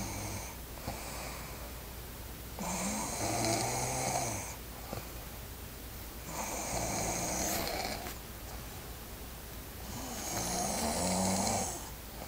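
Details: Snoring from a sleeping Asian woman: slow, rough snores about every four seconds, roughly 16 a minute, over a steady low room hum.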